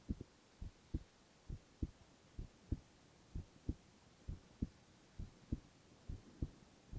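Regular paired lub-dub heartbeats at about 67 beats a minute over a faint steady hum; ordinary heart sounds.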